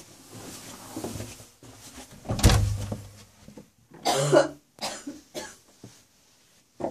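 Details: Adult woman (wife) with a chest infection and an ongoing cough: two harsh coughing bursts, the second voiced and throaty, amid quiet room noise and shuffling.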